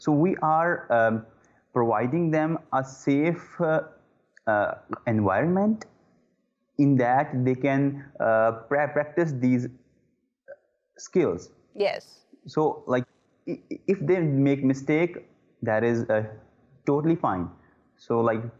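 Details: Adult man who stammers; disfluencies include repeated 'uh'. Stuttering.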